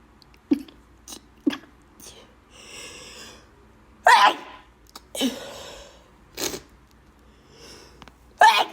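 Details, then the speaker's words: Several forceful sneezes with sharp bursts and short gasps between them, a run of repeated sneezing from bad allergies, followed by needing to blow the nose. "Allergies really bad. I have to blow up nose. Oh my god. Allergies really bad."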